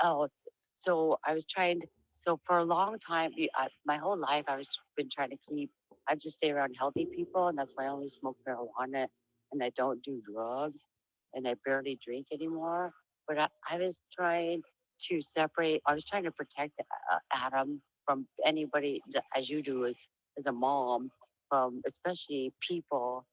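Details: Adult woman with diagnosed Huntington's disease; voice noted as low and much changed from before, she reports sometimes stuttering, and tends to lose topic and trail off; speech changes in Huntington's disease.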